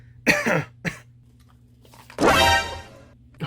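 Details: Acted, simulated adult cough in a comedy skit, claimed as allergies: two short bursts, then a longer, rougher voiced cough over faint room hum.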